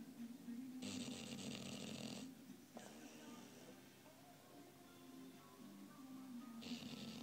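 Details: Bullmastiff puppy, 5 months old, sleeping: rough, rattling snores on each breath alternating with quieter breathing, faint TV or music behind; snoring.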